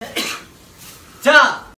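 A soft breathy burst, then a louder voiced throat-clearing sound in a small room.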